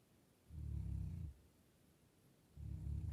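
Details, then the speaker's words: Loud, low rumbling snoring from a sleeping dog, "like a tractor": two long breath-in rumbles separated by a quiet pause. "I don't know if you can hear Bear snoring his head off."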